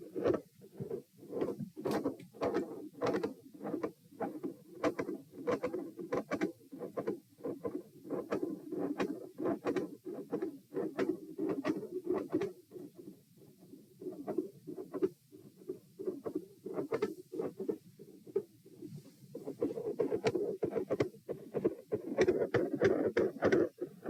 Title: Heart Sounds - Pronounced Respiratory Phasic Pattern Persists Despite Provoking Manoeuvres